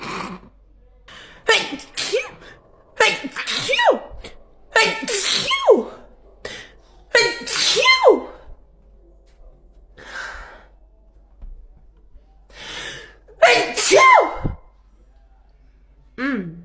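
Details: Girl with allergies having a sneeze attack: about eight sharp, forceful sneezes in a row with short gasping inhales between; she mentions both running out of and taking allergy medicine.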